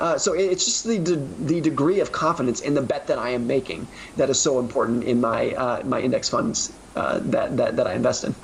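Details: Stuttering in an adult man who grew up with a severe stutter, which he calls a disability; he barely talked as a teenager and says it may be noticeable here.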